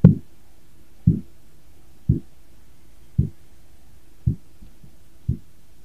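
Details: Six regular soft thumps, about 58 a minute, over a faint hum; Korotkoff sounds during cuff deflation in a simulated OSCE blood pressure measurement on a 25-year-old man's arm.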